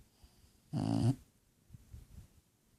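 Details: Sleeping bulldog snoring: a single loud, rattling, fluttering snore lasting under half a second, followed by quiet breathing; snoring.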